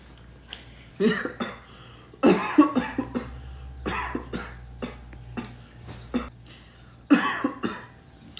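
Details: Adult woman faking a coughing fit while her five-year-old dog looks worried: a run of forced, harsh coughs in several bursts. Acted cough, not illness.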